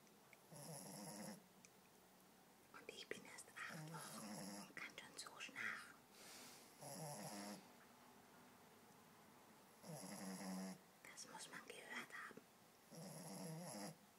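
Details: Soft, rattly snoring in irregular bursts with quiet pauses from a sleeping 8-week-old female American Staffordshire Terrier puppy; ordinary sleep snoring.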